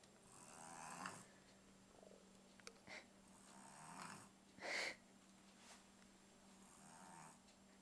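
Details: Noisy, snorting breaths from a sleeping pug dog, some sharp and rattly, over a steady low background hum: snoring.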